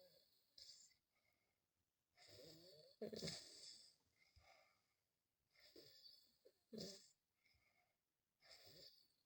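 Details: Son with epilepsy snoring during sleep at night: irregular noisy breaths with rough, whistly snoring sounds on several breaths.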